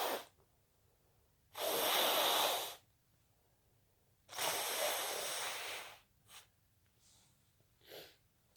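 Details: Induced sneezing, wet and intense: two long, forceful airy bursts through the nose and mouth, then short sniffs.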